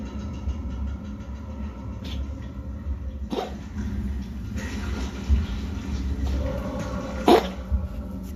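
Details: A 3-year-old male cat coughs harshly a few times with faint wheezy breathing and breathlessness over a low rumble. A vet gave a steroid injection. He died of heart failure three months later.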